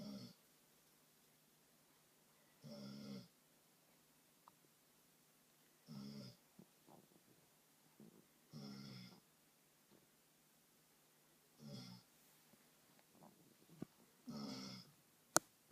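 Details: Sleeping snoring: soft, regular snoring breaths about every three seconds, roughly 20 a minute, with quiet pauses between, in a quiet room.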